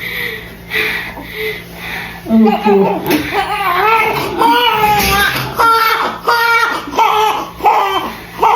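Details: Repeated short crying bursts from a newborn just after a normal vaginal delivery, with adult voices nearby; a normal first newborn cry.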